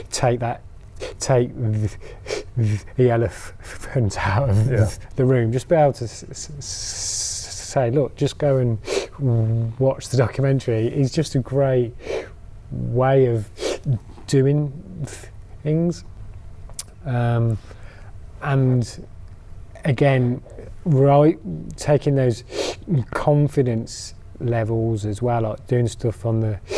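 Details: Adult man who stammers: stuttering.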